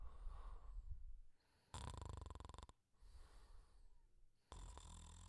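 Two rattling snore bursts on inhaling, separated by quieter breathing; cartoon snoring sound effect.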